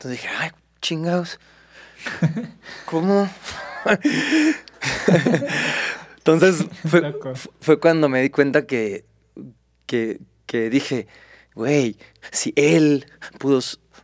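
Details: Adult male Mexican singer with stuttering present since early childhood; he cannot recall speaking without getting stuck and reports not stuttering when singing.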